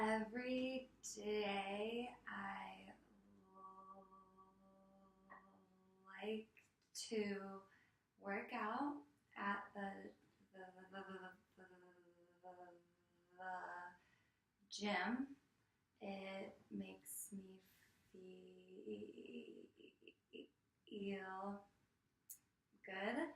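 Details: A female client who stutters, in a speech therapy session, practises voluntary stuttering by holding a block about two to three seconds longer, cued by the clinician's hand signals; stuttering (voluntary stuttering practice).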